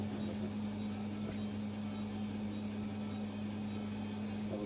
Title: HFCWO Vest Therapy/ Respiratory care /( High Frequency Chest wall Oscillation)